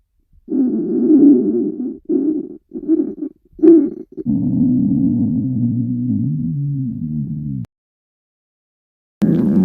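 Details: Low gurgling bursts, then a long rumbling growl that shifts in pitch: ordinary stomach growling (borborygmi) from gas and fluid moving through the gut.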